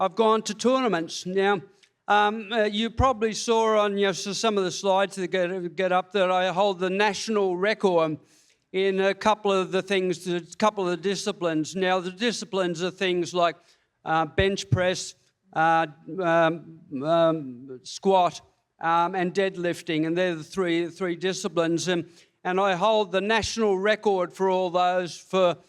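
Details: Parkinson's disease diagnosed February 2022, about three years earlier, in an adult man receiving speech pathology; reading aloud leaves him out of breath. Hypokinetic dysarthria with stammering.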